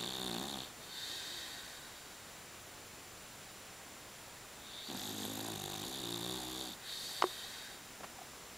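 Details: Two loud, rattling snores on the in-breath, with a quieter breath between and a faint click near the end: ordinary snoring in a sleeping dog.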